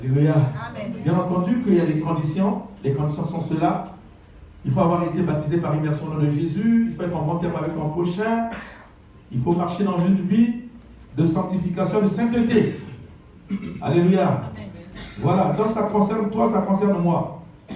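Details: Adult male speaker; normal voice.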